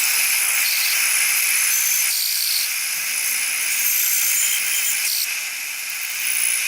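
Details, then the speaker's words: Piezotome piezoelectric ultrasonic surgical unit in mode D3 with a small diamond-coated ball tip, doing retrograde apical preparation during maxillary apicectomy/cystectomy; steady high-pitched hiss with slight fluttering, sounding different from bone-saw mode. "just by the sound you can hear that we are working in a different mode than when we are using the bone saw."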